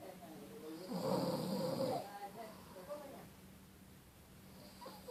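One loud, rough, rattling snore on a breath lasting about a second, then quieter breathing. Ordinary snoring.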